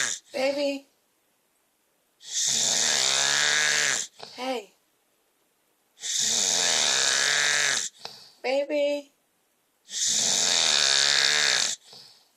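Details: Husband snoring during a typical night's sleep: loud, rough, drawn-out snores about every four seconds, each followed by a short whistling or squeaky breath. He slows when called and his tummy is rubbed, and wakes when called by name.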